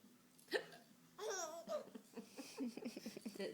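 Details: A sharp hiccup catch from someone near a baby girl, who laughs and babbles in delight at the hiccuping, with an adult's voice nearby; hiccups.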